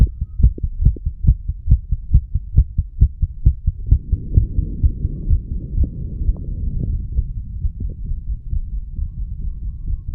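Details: Fast heartbeat in a 34-year-old male recorded at the mitral area after smoking a little nicotine and "green stuff": quick, regular thumps, later partly masked by rubbing and low hum.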